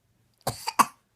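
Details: An adult gives a quick cluster of three short, sharp cough bursts, with no other sounds.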